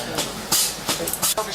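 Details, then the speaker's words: Mechanical chest compression device still running as ECMO starts, about 15 minutes after arrival in the emergency department; it is kept going until the balloon pump is functioning. "you can hear that the the def the um chest compression device is still going so even though the eemo is starting to run they're keeping that going"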